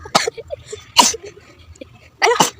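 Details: Deliberate sneezing challenge after sniffing face powder from the hand: three sharp, explosive sneezes, each a quick intake then a forceful release.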